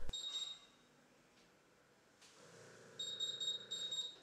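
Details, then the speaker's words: Gradian CCV portable ventilator pre-use check in volume-limited mode: test lung disconnected so PIP falls below the low airway pressure limit; within about 12 seconds, high-pitched repeating electronic beeps of the low airway pressure alarm. "disconnect the test lung from the patient's circuit ensure that the PIP falls below the settin low airway pressure alarm limit wait until the low airway pressure alarm activates which should happen within about 12 seconds"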